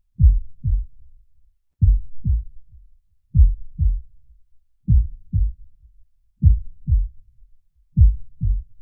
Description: The natural sounds of a heart beating at rest with soothing imagery.